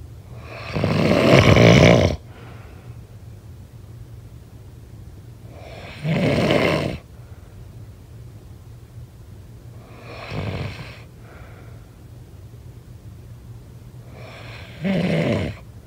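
Four loud, harsh, rumbling snores spread unevenly over about sixteen seconds, with a steady low hum in the background: heavy snoring in sleep.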